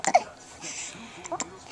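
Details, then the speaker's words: Baby with hiccups, also spitting up and yawning: two short voiced hiccup bursts close together with a soft gasp between, from a small child in a quiet room; crazy hiccups. "the crazy hiccups. Crazy hiccups."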